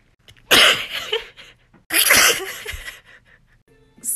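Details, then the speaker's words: Woman deliberately making herself sneeze with a tissue while trying to keep her eyes open: two loud, explosive sneezes about a second and a half apart in a quiet room, with faint music at the end. "I heard to make yourself sneeze you get a little tissue so I got my tissue and we go try"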